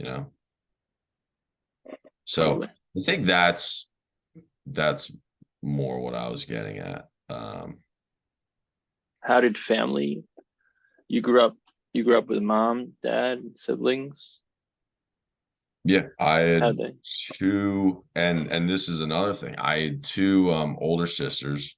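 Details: Adult man who has stuttered since he was young, with speech therapy in early years and through his teenage and early adult life; stuttering.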